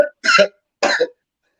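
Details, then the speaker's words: Adult man coughs twice in quick succession, sharp harsh throaty bursts, after smoking from a bowl; a plain cough. "Damn, Johnny. I didn't hear that. He just made me fucking cough. I was hitting my damn bowl and he said that shit."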